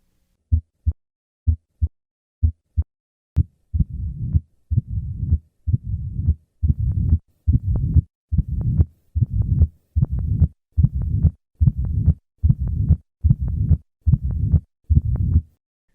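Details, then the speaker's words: Advanced mitral stenosis after a few sit-ups: low-pitched diastolic rumble grows louder and longer as heart rate rises; mitral stenosis diastolic rumble. "the murmur of mitral stenosis becomes louder with maneuvers that increase heart rate an easy way to produce this effect at the bedside is to have the patient perform a few sit-ups note the change in this murmur as the heart rate increases"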